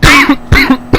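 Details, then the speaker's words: Two quick, voiced cough bursts from an adult, each ending in a brief throat-clearing catch, heard during a 56-minute racing-game commentary recording; cough. "you can hear my cough all the way through for the 56 minutes for this longest video for that."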